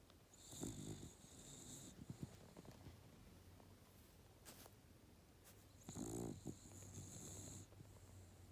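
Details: Little old female dog sleeping at the foot of a bed with sleepy twitching: two soft, rough snoring breaths in about eight seconds against a steady background hum; snoring.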